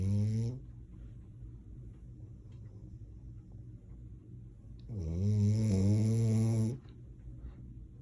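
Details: Dog asleep on owner's lap: a loud, low, buzzing snore on breathing in, with a quieter stretch between breaths; snoring.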